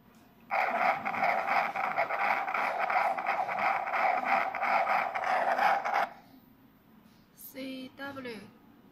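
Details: Continuous-wave (CW) Doppler on a cardiac ultrasound scanner with an echo probe: rhythmic whooshing pulses, about three a second, tracking blood flow through the heart, then brief faint noises.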